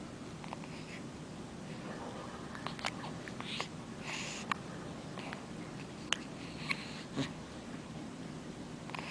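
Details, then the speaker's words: Hiccups in a cat: brief, sharp clicking hiccups, about six in nine seconds, over a soft, steady low rumble. "Do you have the hiccups? Do you have the hiccups, sugar? My poor Isabella."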